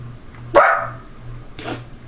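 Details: A sudden bark-like vocal burst, acted by someone who does not have Tourette syndrome, for a school-style project demonstrating a barking vocal tic of Tourette syndrome.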